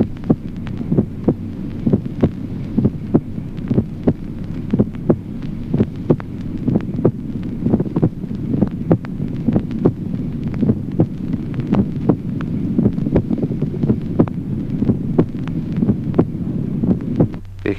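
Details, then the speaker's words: Heart auscultation teaching example: split first heart sound, a barely perceptible division of the first sound into two separate components in a regular heartbeat. "Ejemplo quinto, desdoblamiento del primer ruido cardíaco. Distribución apenas perceptible del primer ruido en dos componentes sonoros separados."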